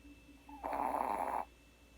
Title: Miss Abby can snore 2